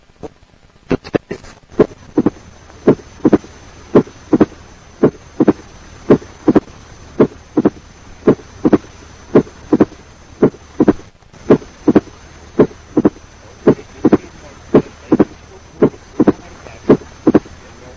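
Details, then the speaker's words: Opening snap of mitral stenosis: a high-pitched, short, snapping sound about 40 to 120 milliseconds after S2; regular heartbeat about 56 per minute. "It is a high-pitched, short, snapping sound occurring about 40 to 120 milliseconds after S2."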